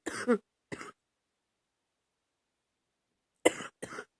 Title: #39 a lil chesty cough